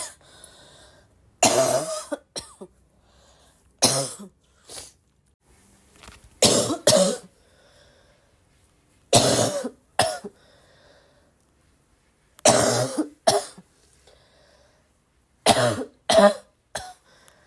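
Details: Persistent coughing: repeated harsh coughs, often in pairs or short runs, about a dozen over seventeen seconds, with quiet pauses between.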